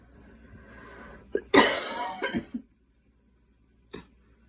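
One strong cough burst with a short rattly tail, then a brief soft cough after a pause; a plain cough.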